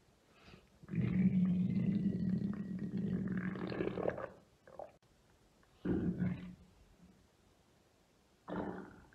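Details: Adult woman's deep tummy and belly rumbles recorded for ASMR; deep, drawn-out gurgling rumbles then two shorter gurgles, ordinary bowel sounds (borborygmi).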